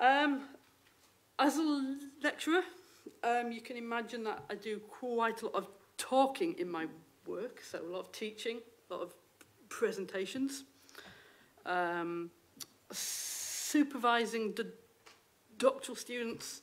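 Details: Adult woman, a university lecturer who states she has a stammer; stammering.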